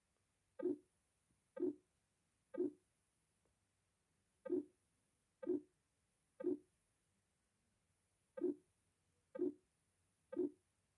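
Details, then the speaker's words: Stethoscope diaphragm at mitral area, patient supine: regular heart sounds near 62 a minute with a mid-systolic click followed by a late systolic diamond-shaped murmur; classic mitral valve prolapse. "amid systolic click is followed by a late systolic diamond shaped murmur this is classic mvp material world prolapse"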